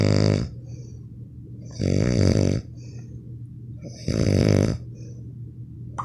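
Loud, rumbling snores with a fluttering rattle, about one every two to three seconds, over a steady low hum. Snoring.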